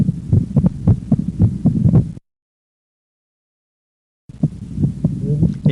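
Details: Physiological splitting of S2 with breathing: S1–S2 single on expiration ("out"), S1–A2–P2 split on inspiration ("in"), as inspiration draws more blood into the right ventricle, delaying pulmonic valve closure.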